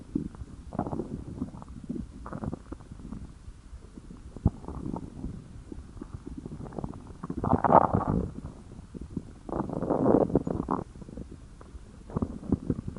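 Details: Stomach growling from hunger: irregular low rumbling and gurgling with louder surges, a normal bowel sound.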